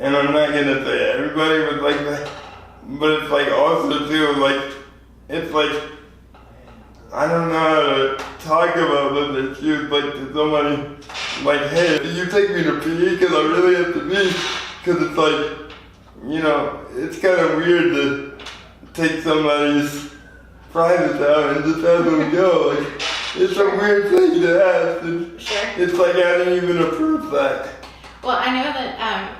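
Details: 24-year-old man with lifelong spastic quadriplegic cerebral palsy after premature birth at 2 lb 4 oz; dysarthria (cerebral palsy).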